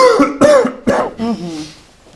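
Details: Three quick, voiced, throaty coughs trailing into a groan, performed by an actor playing an adult son-in-law plagued by cough in a comedic cough-medicine commercial.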